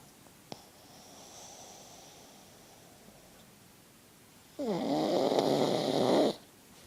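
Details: Pug snoring: a soft breath, then a loud, fluttering, rattling snore lasting nearly two seconds, from a flat-faced dog.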